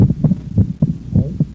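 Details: Physiologic split second heart sound, played through inspiration and expiration.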